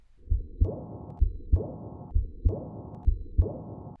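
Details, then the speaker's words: Teaching example of a decrescendo murmur, one that grows softer. It starts loud just after a beat and fades away, with regular heart sounds at about 65 per minute. "a crescendo murmur grows louder a decrescendo murmur grows softer"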